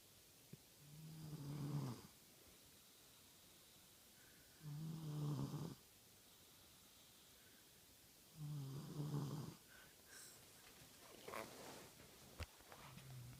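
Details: Low rattling snores on each breath, about every four seconds (roughly 16 breaths a minute), with quiet pauses between; snoring.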